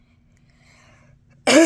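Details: Near silence, then one abrupt loud sneeze at the end, from an adult during a second COVID-19 infection.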